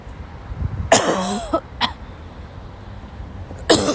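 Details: Sick young woman who woke up ill, during a violent coughing fit: several short, dry coughs with a brief throat sound between them, over steady room noise; dry cough.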